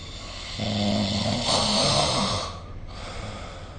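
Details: Single low, rattling snore on an in-breath lasting about two seconds, with faint room hiss, recorded during sleep with a snore-recording phone app; snoring.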